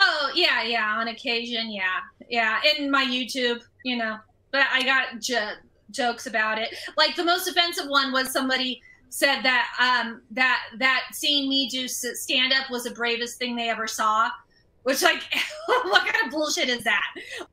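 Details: Woman who stutters, a comedian, speaking as a podcast guest, with word repetitions; stuttering.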